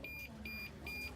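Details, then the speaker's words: Three evenly spaced high-pitched beeps, an infusion pump alarm during a simulated nursing student demonstration of TPN administration and tracheostomy care. "okay we're just we're just gonna get the teacher because the pump is beeping"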